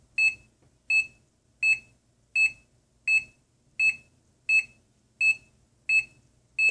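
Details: Homemade simple two-lead EKG heart monitor with a piezo beeper, with the user gripping the left and right leads by hand: steady, regular high-pitched beeps, about 83 a minute, one per detected heartbeat; ECG monitor beep.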